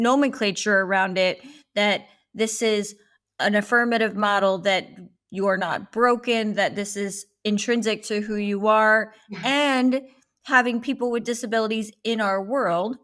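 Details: Adult woman speaking; typical speech.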